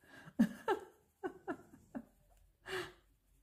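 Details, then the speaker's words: Small shih tzu lying in its basket, breathing noisily; owner believes soft palate and too-narrow nostrils need surgery once adult size: irregular short snorting, rattling snores of a narrowed upper airway. "alors si vous entendez un ronflement ses piles ou qui ronfle 1 c'est mon petit shih tzu"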